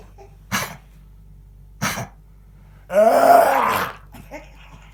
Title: Кашляет,смешно смотреть до конца!!!!